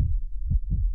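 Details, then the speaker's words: Normal heart sounds of a female Pomeranian through a stethoscope: low dull thumps, similar to a human heartbeat; a common heartbeat heard when evaluating an animal's heart. "It's a very common heartbeat that we hear when listening to and evaluating the health of an animal's heart."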